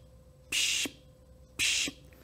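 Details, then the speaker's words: Vocal imitation of a mitral regurgitation murmur, high-pitched and holosystolic with constant amplitude, best heard over the mitral area: two steady hissing bursts of even loudness. "So the typical onomatopoeia phrasing that we use to describe a mitral regurgitation murmur is also high in pitch and it goes like"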